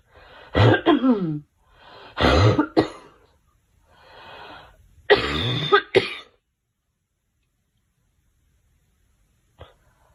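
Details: Girl coughing: three bouts of hacking, dry-sounding coughs with throaty breaths between, then silence.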